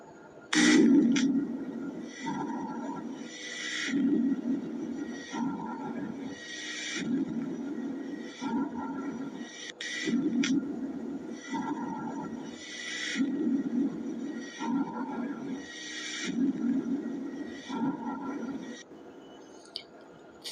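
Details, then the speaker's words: Bronchial breath sounds on auscultation, described as abnormal, very loud and high-pitched: harsh, hollow breaths with a distinct expiratory phase and brief pauses. "अब second जो है ब्रैकल breathing sound है यह जो होता है a normal breathing sound है इसका जो ब्रीथिंग साउंड बहुत लाउड होता है और इसका पीच जो होता है बहुत हाई होता है"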